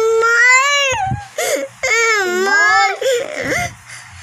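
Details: Young child cries for a slide, loud sustained wails with breaths and brief sobbing gasps between; infant crying.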